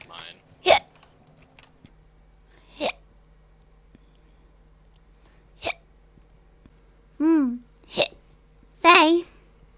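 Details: A person hiccuping: about six abrupt hiccups over ten seconds at irregular intervals, some with a brief squeaky voiced catch, in a quiet room; hiccups.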